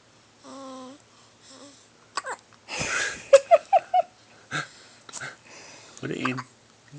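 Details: Tiny baby: a series of four brief, sharp, regularly spaced hiccups amid soft whimpers and fussing; infant hiccups.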